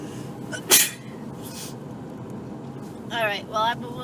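A sharp, explosive burst of air over steady car engine noise: an adult's sneeze, followed by brief vocal sounds.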